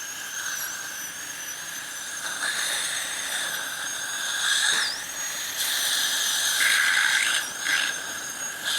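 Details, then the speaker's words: Advanced dental fluorosis case, upper crown preparation with soft interproximal caries being removed before crown cutting continues: steady high-pitched whine of a dental drill with brief dips in pitch as it cuts tooth. "ఇదంతా soft caries ఈ పుచ్చు మొత్తం remove చేసి గాని మనం crown cutting continue చేయకూడదు"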